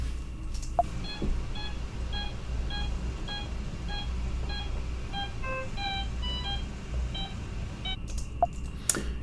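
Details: Simulated pediatric inhalational anesthesia induction with suspected laryngospasm, chin lift being performed: rapid pulse oximeter beeps, about 120 a minute, whose pitch wavers and drops, signalling falling oxygen saturation (desaturation).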